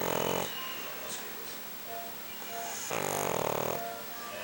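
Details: Sleeping pug snoring: two loud, buzzing snores on inhalation with quiet breathing between; snoring through a narrow airway.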